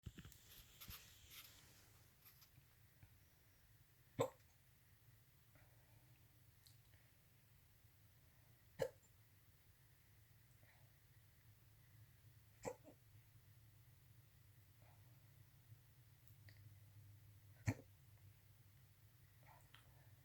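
Quiet room with sharp, brief hiccup clicks recurring about every four seconds, roughly thirteen a minute, somewhat irregular: hiccups.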